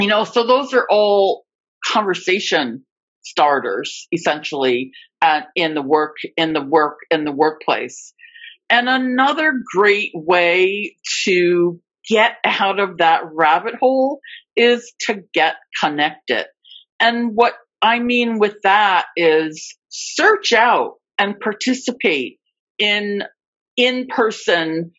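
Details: Adult female who reports being a covert stutterer for more than 30-35 years; stuttering with repetitions of words and parts of words.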